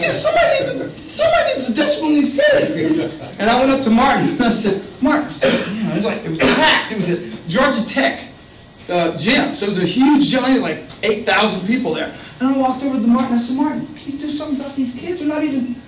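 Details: Adult man speaking; ordinary speech.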